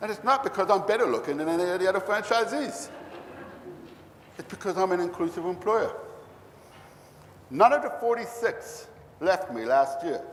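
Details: Deaf man who cannot hear a passing bus, only feel it; the finding is deaf speech.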